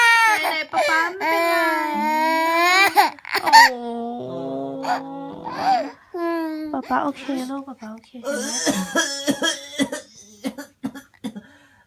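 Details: Father's ordinary cough: a few short, harsh adult coughs breaking through his baby daughter's loud wailing cry, who feared he was ill, with soft adult reassurance.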